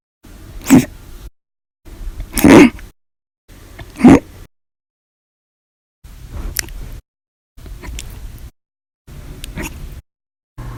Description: The Violent, Loud, Silent, Minute Hiccups lasted 13 Hours and 14 Minutes for after eating Breakfast, Lunch, and drinking 1 cup of soda after Dinner on 7/26/19.